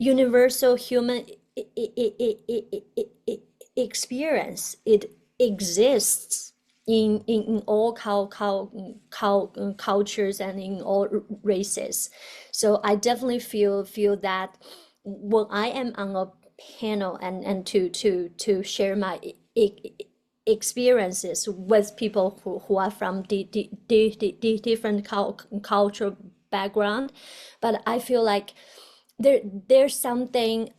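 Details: Adult woman, a person who stutters, doctoral student in communication sciences and disorders (stuttering)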